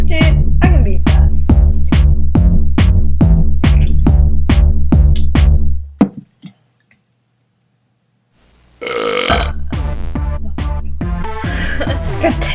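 A long, rapidly pulsing burp lasting several seconds, then a pause and more rough burping noises; prolonged belching.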